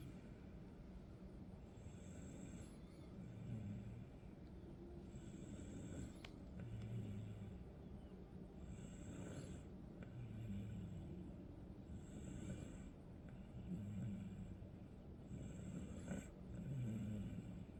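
Low rumbling snores recurring every few seconds over steady background noise, about eight in the stretch; ordinary snoring during sleep.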